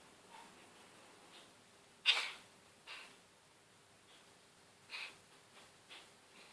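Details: Cat sneezing constantly during a cold lasting a few days (later recovered): one sharp sneeze followed by several softer sneezes and snorts over a few seconds.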